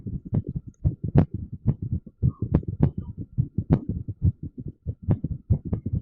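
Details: Irregular heartbeat sound.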